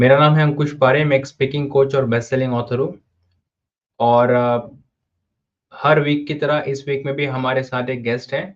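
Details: Adult man speaking Hindi; typical speech.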